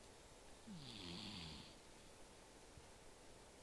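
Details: Small cat snoring like a buzzsaw: one buzzing, rattling snore on a breath in, over quiet room noise.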